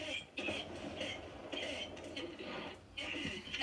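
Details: Cough from a child, recorded on a microphone.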